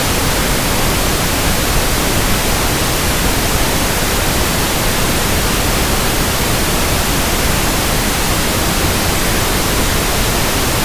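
Steady, even hiss of pink noise with no breaks, used for comparing and matching tinnitus sounds.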